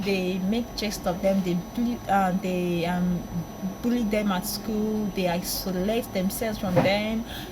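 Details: Woman who stammers, with speech interruptions and disruptions in her own speech: stuttering.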